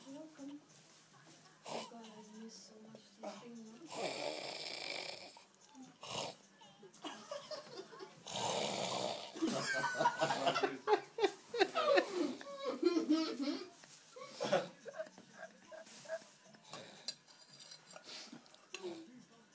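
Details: Loud, harsh snoring breaths that grow stronger, with voices and laughter nearby.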